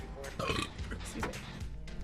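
A drawn-out, rumbling belch over background music: a burp.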